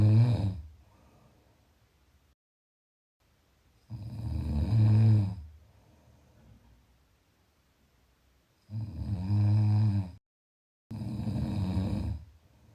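Deep, vibrating snores on breathing in, separated by silent pauses of several seconds, roughly 13 snores a minute.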